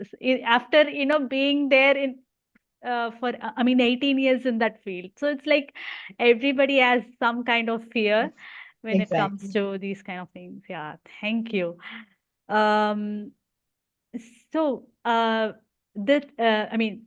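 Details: Stammering in an adult woman, a software engineer, who stammers, speaking in an interview.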